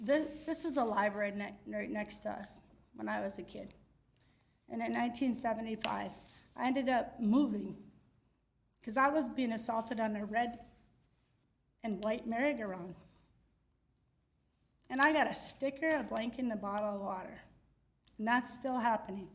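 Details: Adult public commenter at a city meeting who reports having aphasia and dysphagia and implies the condition is serious. Aphasia.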